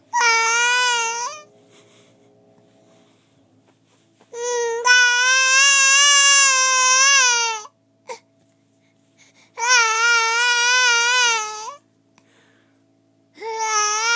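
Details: Rhythmic, high-pitched crying from a baby girl in bouts of a few seconds with quiet pauses. She cries like this when hungry and squints hard, and the parent jokes she is faking it: infant hunger cry.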